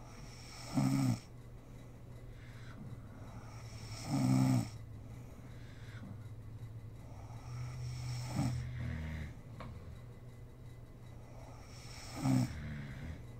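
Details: Sleeping mother snoring in an ASMR recording: short, throaty snores at uneven intervals of about four seconds, some softer with a low snort, over faint room noise; snoring in sleep.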